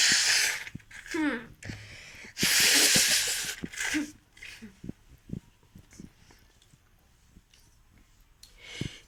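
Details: Several loud hissing acted sneezes with voiced gasps between, then quieter sniffs and clicks, in a sneezing and nose-blowing challenge; sneezing.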